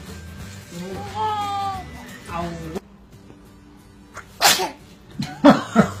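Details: Infant gives a sharp, high sneeze burst after a pause, then a second softer sneeze or small vocal sound, with music briefly before.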